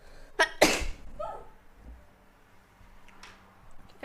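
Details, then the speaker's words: Woman who cannot stop sneezing: short inhaled catch then one loud, explosive sneeze, followed by quiet room noise and faint voice; sneeze. "Oh my god. I'm sorry, I cannot stop sneezing."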